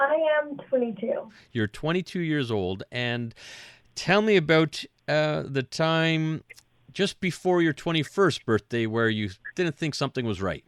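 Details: Adult male speaker, with a brief second voice at the start; typical speech.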